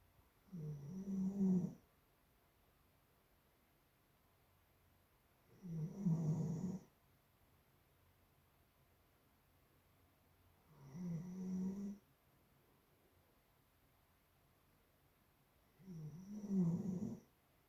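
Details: Doodle dog snoring: four low, rattling snores about five seconds apart, roughly 12 a minute, with quiet pauses in a still room.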